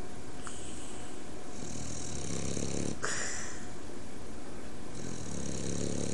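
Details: Sleeping French Bulldog, eyes half open, deeply asleep: loud, continuous rasping snore with breathy wheezing and snorting.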